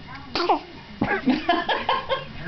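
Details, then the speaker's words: Almost one-week-old baby girl sneezes twice in a row. "sneezing she likes to sneeze on camera apparently"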